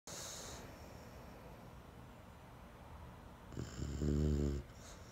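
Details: One loud, low, rattling snore on an in-breath from a sleeping English bulldog in a quiet room: snoring; owner reminds him to keep it down.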